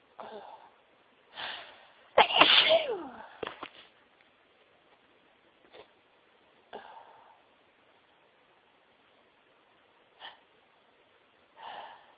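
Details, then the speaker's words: Repeated sneezing after sneezing all day at work, recorded on coming home: a run of sneezes and sniffs, one forceful explosive sneeze among softer ones, in a sneezing fit. "Excuse me. I've been sneezing all day. Oh, bless me. Oh, this sneezes a bit all over my chest."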